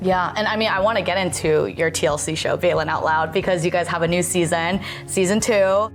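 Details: Adult woman speaking; normal speech.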